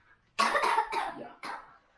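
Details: Young boy with a cough, after drinking a health tonic for it, gives a short run of about four harsh coughs in quick succession.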